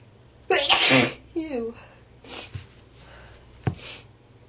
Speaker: Sneeze again. Ew. Ew. Ew. Oh. Oh. This tickle won't go away.